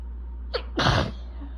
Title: I’M BACK! With BAD allergies! Itchy, desperate sneezing fit w/building congestion (recorded 3/21)